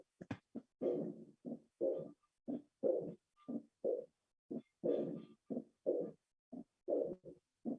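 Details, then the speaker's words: Aortic regurgitation murmur: early-to-mid diastolic decrescendo murmur starting at the aortic focus and radiating in a sash-like band across the chest. "En el examen físico que van a auscultar soplo protomesodiastólico en decreciendo irradiado en banda presidencial."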